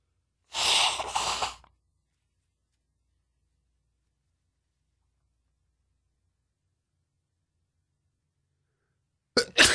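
A single loud, explosive sneeze, then silence and a brief start of another burst at the end.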